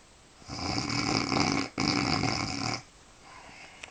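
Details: Woman snoring in bed at night: loud, rough, vibrating snore on a long inhalation with a brief break midway, then quiet breathing. Snoring.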